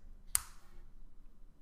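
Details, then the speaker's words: Single sharp mechanical click in a quiet room as the EasyTouch GC glucose/cholesterol monitor's lancing pen, set to depth 4 for thicker skin, is pulled back at the end to cock the lancet before a finger prick. "Then all you're going to do is to engage the lancet pen, you're just going to pull back at the end,"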